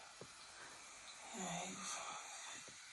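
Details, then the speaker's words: Sleep-talking app recording of an adult's heavy breathing during sleep; a single noisy, slightly voiced breath rises from a quiet, hissy background, likened to Darth Vader breathing. "So Lucy has this app that records she sleep talking. Tell me why I breathe like Darth Vader."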